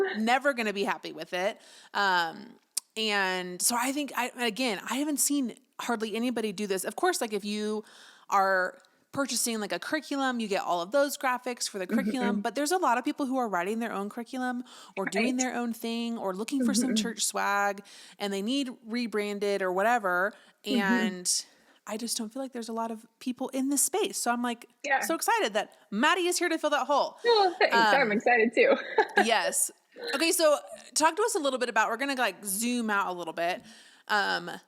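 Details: Adult woman speaking, with a brief second voice; typical voice.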